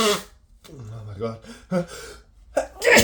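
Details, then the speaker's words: Man with a head cold, sneezing all day and feeling sick: a wet, forceful sneeze, short gasping breaths, then another explosive sneeze; a desperate, rapid wet sneezing fit. "I can't I can't stop sneezing so wet yeah oh my God I'm just so sick I've been sneezing all day"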